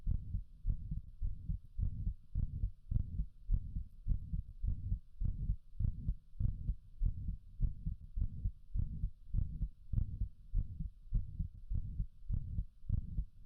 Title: | Heart Murmur |